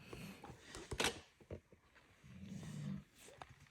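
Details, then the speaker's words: Snoring from a sleeper nearby, heard in the background of a quiet room. "Can you hear snoring? That's not me, that's."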